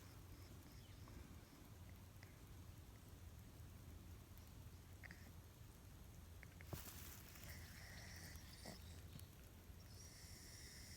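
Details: Sleeping cat (named Shiro) found collapsed-looking in the garden, simply snoring with low, rumbling breaths; ordinary sleep snoring, not distress.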